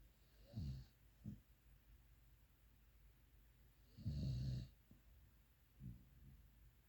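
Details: Pitbull (dog) snoring while asleep: soft, low snorting snores recurring about every three to four seconds, with small snuffles between, against quiet room noise.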